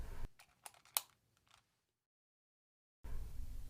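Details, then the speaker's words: Accuhaler dry powder inhaler held horizontally, mouthpiece toward the user, with the lever slid away by the thumb to load a dose: a few sharp plastic clicks, then silence. "Whilst keeping the mouthpiece of the inhaler pointing towards you, hold the inhaler in a horizontal position and use one thumb to load the dose by sliding the lever away from you until you hear a click."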